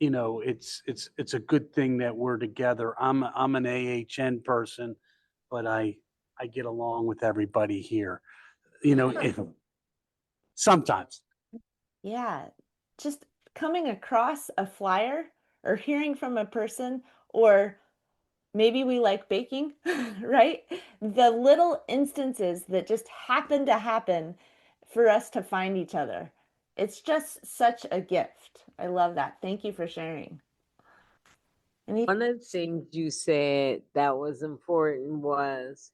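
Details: Male stroke survivor with aphasia, support group member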